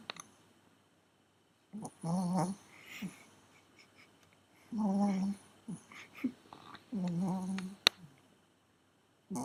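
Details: A Pomeranian dog snoring very loudly during sleep, keeping the owners awake at night: three drawn-out, low, buzzing snores, each about half a second, with quiet pauses between.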